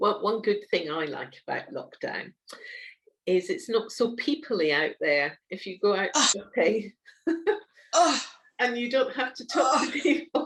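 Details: Adult woman speaking; normal speech.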